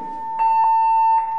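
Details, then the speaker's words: AED shock-ready alert tone during a training demonstration: after rhythm analysis the device advises a shock and tells users not to touch the patient and to press the flashing button; a steady high electronic tone lasts about a second. "odporúča sa použiť výboj nedotýkajte sa pacienta stlačte blikajúce"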